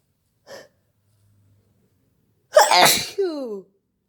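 A brief intake sound, then one forceful sneeze with a voiced, falling tail; an ordinary sneeze.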